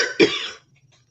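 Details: A single short, harsh cough.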